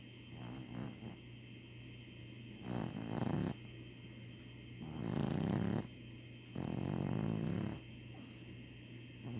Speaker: He's 3. Sir, a 3-year-old old man Chihuahua. Or at least he snores like an old man.